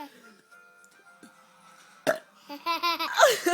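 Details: A parent's short burst of a belch after quiet background, then the young son's giggling laughter at it: burping.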